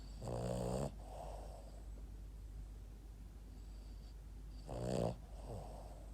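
Two vibrating, rattling snores on the in-breath, each followed by a softer whistling out-breath, over low room hum; snoring in a flat-faced dog.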